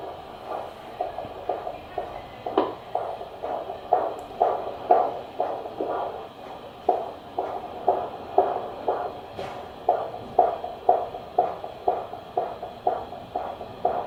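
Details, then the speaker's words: Fetal heartbeat on Doppler by a midwife at 36 weeks 5 days of pregnancy, baby boy with his back on the mother's left side and kicking during the exam: fast, regular whooshing pulses at about 120–140/min with movement thumps; strong, normal. "when she put the Doppler on he kept kicking her which she kept laughing at but yeah I will win her a clip of listening to his heartbeat here"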